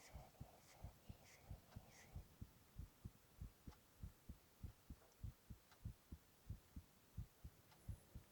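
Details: Adult male's own heart recorded for ASMR: steady, deep paired heartbeat thumps at about 97 a minute, with faint whispering at the start; normal heart sounds.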